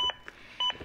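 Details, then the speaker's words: Two short, clear beeps about 0.6 seconds apart from a Zoll AED Plus training defibrillator, its adaptive CPR metronome pacing chest compressions toward at least 100 per minute. "beeps act as an Adaptive metronome that monitors my compressions and tries to speed them up to at least 100 per minute good compression"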